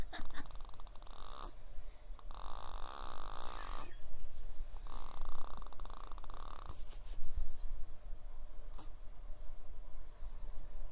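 Rough, noisy breathing sounds recur in long bursts, about 26 a minute, heard as snoring during sleep.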